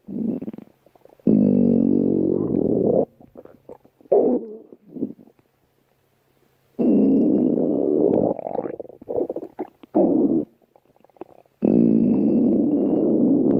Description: Here's a special stomach growl video just for you!